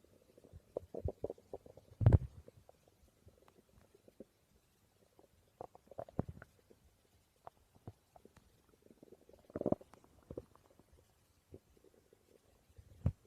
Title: My stomach growling ❤️